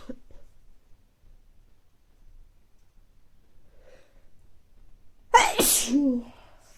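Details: Person with recurrent mild colds coming and going over recent weeks, nose not very stuffy but feeling sneezy: quiet room, then a single loud sneeze with a sharp burst and trailing voiced release.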